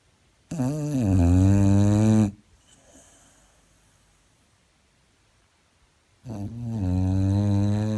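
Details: 13-year-old female Boxer dog fast asleep on a couch: very loud, deep, buzzing snores on the in-breath, about two seconds each, separated by quiet breathing out; heavy snoring.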